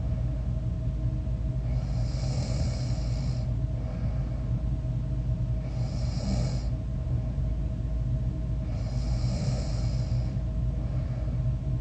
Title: いびき 4/25 my snore